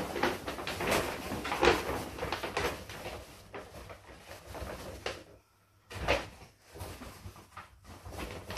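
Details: Left, weaker ankle of a person with very hypermobile ankles subluxing after standing on one leg: several dull clunks and knocks, with one louder, painful pop as the joint reduces back into place at about 37 seconds.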